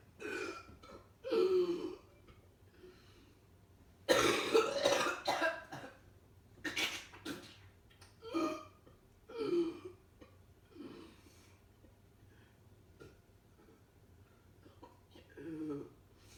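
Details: A child coughing in repeated bursts, some short and some in quick runs, with quiet gaps between; cough.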